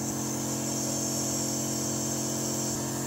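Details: Steady loud motor drone with a buzzing hum and hiss of airflow from a compressor nebulizer machine running continuously, used with medicine at home.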